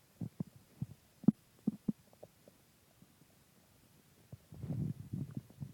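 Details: Stomach growling (borborygmi) after a large pizza and two ice creams: irregular low gurgles and pops, then a longer bubbling rumble.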